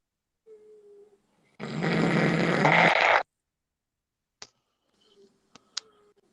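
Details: Adult man asleep and snoring: one loud, rough, rattling breath noise lasting over a second, with faint room sounds and clicks around it.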